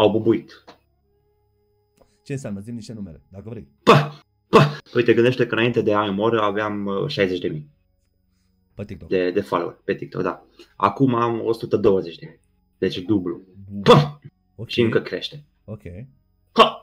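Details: Man with Tourette syndrome, a comedian, speaking Romanian in a podcast conversation, with vocal tics (e.g. 'psi', 'psam', 'pa pa pa') throughout. Finding: vocal tics (Tourette syndrome).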